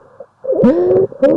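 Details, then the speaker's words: Stridor played as a teaching example for chest and lung sounds: a brief, harsh, high-pitched musical noise with breathing; described as a sign of very severe lung inflammation needing urgent intervention. "والستايدر ده بيبقى صوت صعب جدا. ممكن نسمعوه مع بعض."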